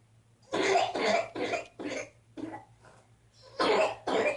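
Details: While standing and being coaxed to take a step, a run of about seven short, harsh cough bursts in quick succession with brief pauses; cough.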